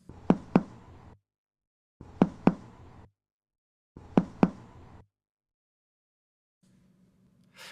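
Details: Tympanic percussion note, a loud, high-pitched, long sound, as heard when percussing the gastric air bubble or a puffed cheek during a physical examination teaching demonstration.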